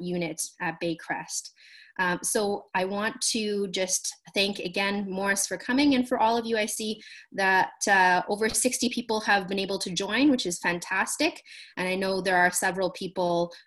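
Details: Adult woman; normal speech.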